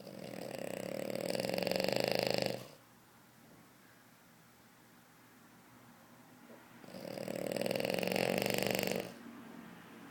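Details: Snoring during sleep after the big move: two long, rough, buzzing snores a few seconds apart with quiet in between.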